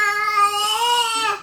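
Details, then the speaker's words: Teething baby boy in his bouncer, fussing for the last hour: brief whiny infant cry with a sustained tonal wail in a small room; fussing cry. "have a noisy one again these teeth are taking their time to come through so we've had this for the last hour"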